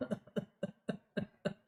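An imitation of a run of five rapid coughs without breaths between, then a long high-pitched drawn-in whoop: the paroxysmal cough and whoop of pertussis.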